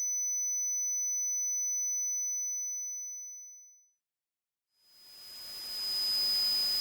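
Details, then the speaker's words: Simulated tinnitus, ringing type, played as an example of what people report hearing: a steady high-pitched pure tone that fades out. "Now I will play a series of sounds that represent the typical types of tinnitus percepts people report hearing. Ringing."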